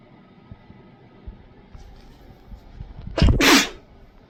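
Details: Quiet room noise, then a single loud sneeze with a sharp intake and explosive release, from a compilation of sneezing while sick.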